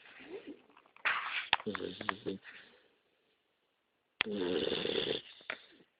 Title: Snoring